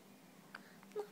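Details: Newborn girl born the day before, hiccuping: two soft, abrupt little hic sounds about half a second apart.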